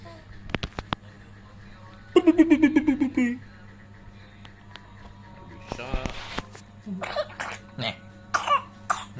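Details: Baby coughing and laughing, with crying heard nearby.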